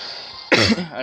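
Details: Single short, rough cough or throat clear from an adult man who apologizes for a hoarse voice, over faint background video-game noise.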